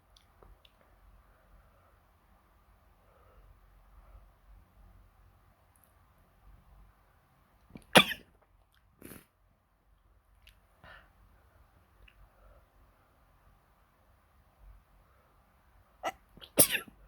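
Several sharp, explosive bursts separated by quiet, fitting sneezes, with a double burst near the end; faint room hum in the background.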